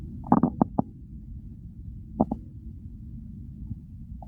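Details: Hunger segment of a recording that follows the stomach from hunger to overfull and bloating: a few short gurgling bursts in quiet room noise, ordinary bowel sounds of a growling stomach.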